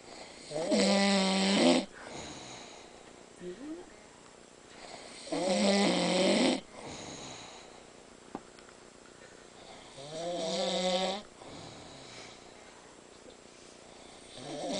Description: More like someone killing a cat than snoring!! Go on!!